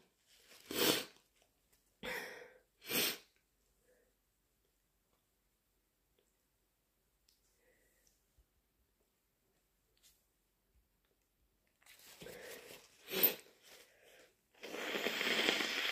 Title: More big induced allergy sneezes